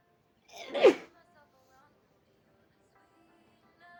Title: spring allergy sneezes and false starts in a hanky